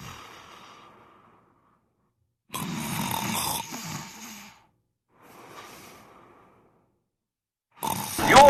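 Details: Snoring during sleep: rough, rattling breath noises in separate bursts with quiet pauses between them.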